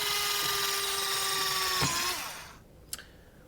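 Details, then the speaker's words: Steady high motor whine dipping in pitch as an EZ-IO powered intraosseous needle is advanced at 90° into the leg on a simulator, then stopping with a single click; powered intraosseous drill insertion. "We're going to advance the needle at a 90° angle and make our puncture."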